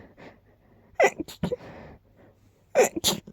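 Catching breaths build up, then two sharp, explosive sneezes follow. The finding is sneezing.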